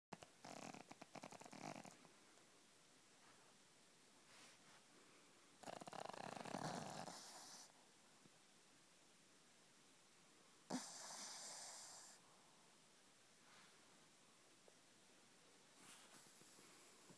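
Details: Sleeping Chihuahua: soft fluttering snores and snorty breaths spaced several seconds apart over faint hiss; snoring.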